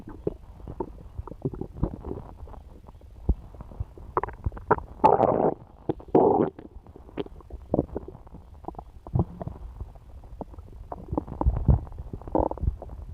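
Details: Woman's active stomach noises after eating pizza: continuous gurgling and bubbling with frequent low clicks and a few longer rumbles.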